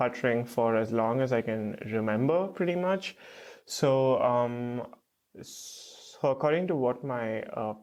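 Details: Stuttering with blocks in an adult man, a first-year PhD student, who has stuttered since about age 3 to 3.5.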